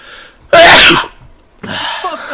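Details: A single loud, explosive sneeze from a father, followed by a quieter exclamation; sneezing.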